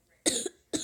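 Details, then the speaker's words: Two short, dry coughs in quick succession from a person who has been sick over winter break; cough from illness. "yeah I'm kind of sick so we'll be coughing a little bit in this video"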